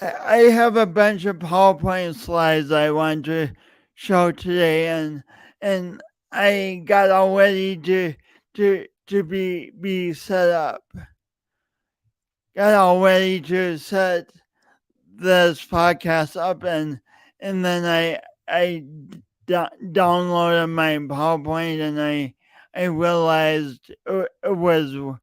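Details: Stuttering in an adult male podcast host whose speech impediment began in junior high and high school and persists; he denied it for years.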